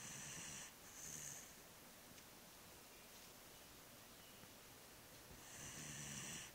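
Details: Loud snoring from a sleeping Shiba Inu dog: two hissing, whistly snoring breaths separated by a quiet pause. The owner wonders whether the dog is very tired or getting old.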